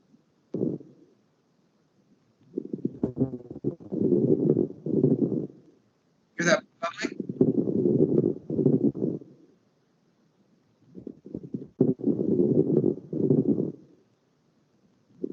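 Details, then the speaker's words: Lung recording of fine crackles from fluid in the lungs: repeated breaths with low bubbling, popping sounds in each cycle, with a very short expiratory phase and short inspiration. "so these are fine crackles they're they're lower you could really hear that bubbling sound where the other ones were kind of rough"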